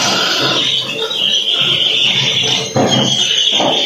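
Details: Chicken with persistent snoring ("ngorok") that won't clear: rough, grunting, rattly airway noises over steady high-pitched background hiss; respiratory rattle.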